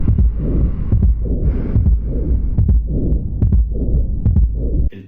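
Regular heartbeat near 71 a minute with a low rumbling murmur filling the gaps between beats, typical of mitral stenosis.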